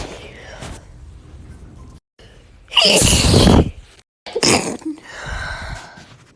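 A sharp inhaled gasp builds into a loud explosive burst, then a second shorter burst follows: sneezing, about two sneezes.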